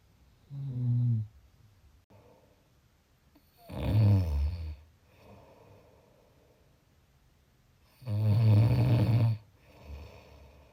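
Loud, low, rattling snores with each breath in, about fifteen a minute, with quieter breaths out in between: snoring.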